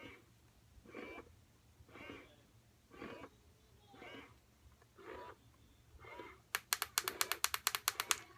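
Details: Electric breast pump (likely Ardo Calypso) tested without skin contact at highest vacuum and cycle: slow, soft rhythmic suction about once a second in expression mode, then rapid clicking pulses on switching to letdown mode; said to be quietest of five.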